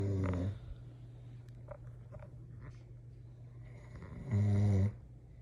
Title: Snoring husband